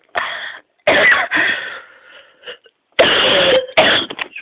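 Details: An unwell woman, still feeling poorly, gives a cough demonstration recorded on a mobile phone.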